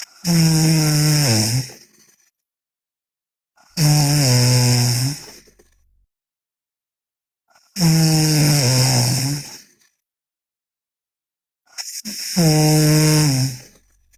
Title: Sleeping Girl Loud Snoring (MLDA)